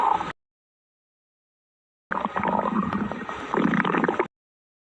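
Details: Hungry stomach growling: a low bubbling, gurgling rumble lasting about two seconds, normal borborygmi from hunger.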